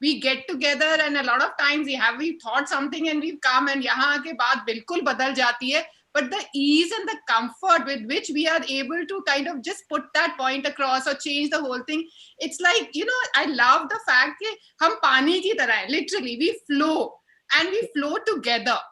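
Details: Adult woman; ordinary speech.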